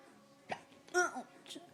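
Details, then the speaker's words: A girl hiccuping: a short, sharp catch of breath followed by a brief voiced squeak, a single hiccup. "I got the I got I got hiccup. So I I'm hiccuping."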